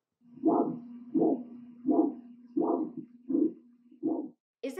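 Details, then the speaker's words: Teaching example on peripheral arterial disease: arterial Doppler flow with only one phase, described as always abnormal; monophasic Doppler arterial signal. "monophasic flow is only one phase and is always abnormal it sounds like"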